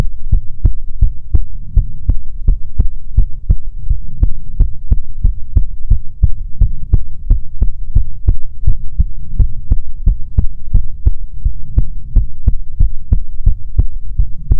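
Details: ASMR heartbeat recording: steady, regular low heartbeat thumps throughout with a faint hum underneath; ordinary normal heartbeat.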